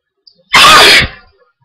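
One loud, explosive sneeze with a hissing burst of air, part of repeated hay fever sneezing.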